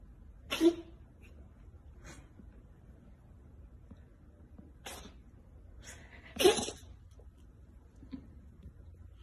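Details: Cat cough, owner suspects a hairball: two sharp, forceful hacking bursts with softer huffs between them.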